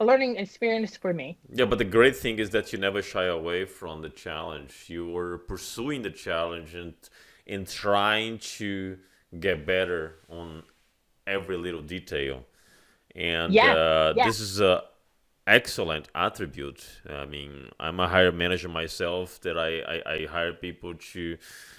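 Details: Adult man speaking; normal speech.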